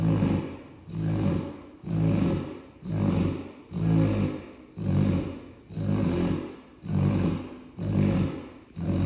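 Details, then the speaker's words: Cane Corso dog asleep and tired: loud, regular, rumbling snores about one per second, each rising and fading with the breath, heavy snoring. "My boy tired. Boy, you snoring like a grown man."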